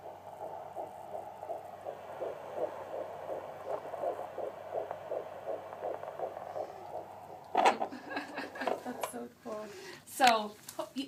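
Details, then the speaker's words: Rapid, regular whooshing fetal heartbeat in the 150s, described as perfect, on a fetal Doppler at the first hearing, with the mother's slower pulse and tummy rumbling also picked up; normal fetal heartbeat. "Can you hear the heartbeat, honey? It's in the 150s. It's perfect."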